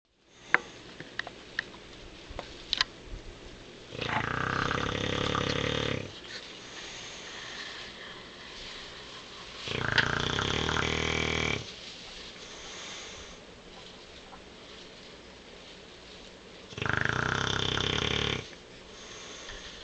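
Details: Sleeping bulldog: three loud, rasping snores, each about two seconds, spaced roughly every six seconds, with quiet breathing between; dog snoring.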